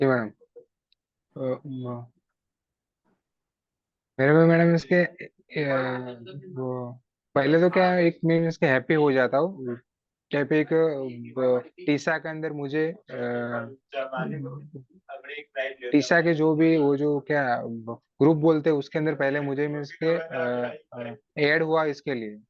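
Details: Stammering in a male participant in a stammering association workshop who says he stammers and gets stuck on words in meetings.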